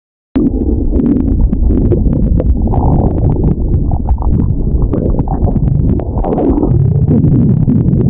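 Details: Stomach growling (borborygmi): continuous low gurgling and rumbling from the abdomen.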